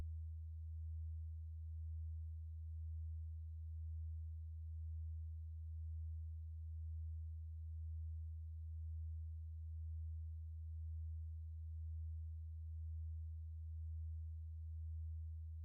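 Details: Generated hearing test tone, companion audio for a spreadsheet: a steady, quiet low-pitched pure tone with gentle, even pulsing in loudness.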